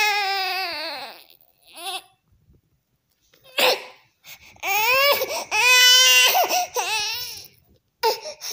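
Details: Angry infant cry: loud, strained crying in bursts with brief pauses.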